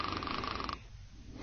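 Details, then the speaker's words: Simulated snoring in a sleep-disordered breathing presentation: a short rattling, buzzing inhalation then quieter breathing, as relaxed upper-airway soft tissue vibrates during sleep with flow limitation. "as the muscles in the upper Airway relax the soft tissue begins to vibrate when you breathe this creates the audible sound of snoring"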